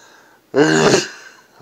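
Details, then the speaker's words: Adult's late-night sneeze around 1 a.m., part of a nightly sneezing ritual, quieter when tired: a single sudden, forceful sneeze after a quiet moment, then fading away. "my god the nighttime ones aren't as loud because I'm kind of tired"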